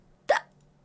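A single sudden, short voiced gulp breaks an otherwise quiet moment: one hiccup from an adult.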